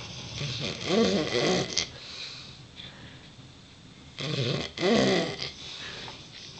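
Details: Sleeping Neapolitan Mastiff and Dogue de Bordeaux snoring in the evening; two loud, rough, rattling snores with quieter breathing between them.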